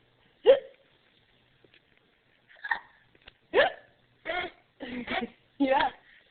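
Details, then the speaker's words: Baby with hiccups, offered a pacifier and blanket, makes several short, abrupt voiced gulps a couple of seconds apart with quiet room sound between them; hiccups. "Huh? Yeah. You have the hiccups."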